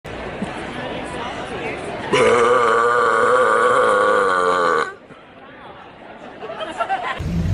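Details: A long, loud, drawn-out burp lasting about three seconds over crowd chatter in a noisy room; burping.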